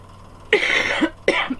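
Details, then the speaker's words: Two short, harsh coughs in quick succession from an adult woman, who apologizes for not being able to stop coughing, over a faint steady hum; cough. "Pardon, j'arrête pas de tousser en plus."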